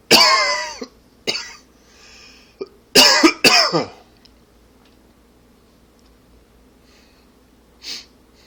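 An adult gives several harsh, rattly cough bursts in quick clusters with throat clearing between them, a smoker's or allergy cough.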